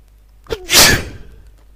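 A quick inward breath followed by one sharp, hissing burst of air: a single sneeze.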